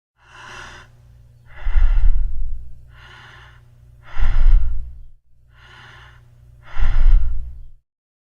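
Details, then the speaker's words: A nursing-assistant teaching demonstration plays normal breathing (eupnea): even, regular breath cycles, each a soft inhale followed by a slightly louder exhale. "Yang pertama adalah bunyi nafas normal atau apnea, yang bunyinya adalah seperti ini."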